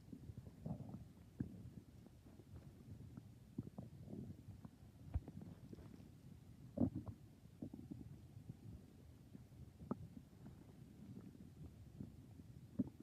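Quiet, irregular low gurgles and rumbles with occasional sharper squeaks, typical stomach growling from gas and fluid moving through the gut.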